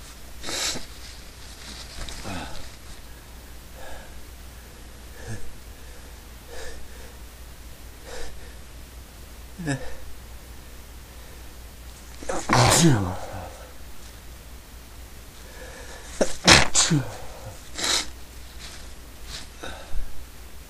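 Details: Several sharp, explosive sneezes between quieter breathy sniffs and snorts; person says they can't stop sneezing. Sneezing.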